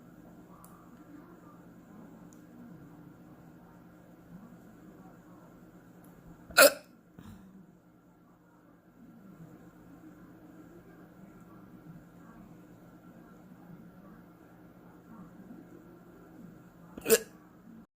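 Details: Morning hiccups: two sharp, sudden hiccups about ten seconds apart over a low background hum and faint talk.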